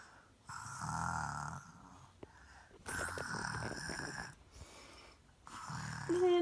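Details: Xander snoring: three rhythmic, rattling snores recurring about every two and a half seconds, each on a breath in.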